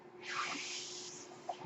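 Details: Soft rushing hiss of air swelling and fading over a steady low hum: airflow noise from the speaker's own mechanical ventilator, heard as they talk.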